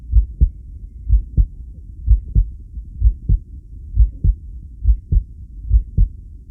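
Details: Heartbeat sounds recorded during a long breath-hold (10 lead); the subject asks whether the heart's reaction is normal. Heart sounds during breath-hold.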